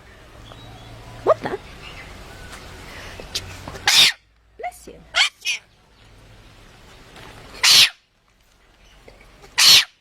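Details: Animal sneezing: several short, sharp, hissing bursts, one a quick double, over quiet room noise and soft voices; repeated sneezes.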